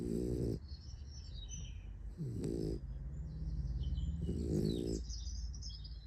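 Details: Sleeping puppy snoring: low, buzzing snores, three in about six seconds, with birdsong and room noise in the background.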